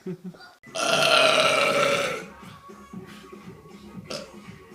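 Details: Person burping, recorded on a phone: one long, loud, rumbling belch lasting over a second, then quiet room noise; an ordinary burp.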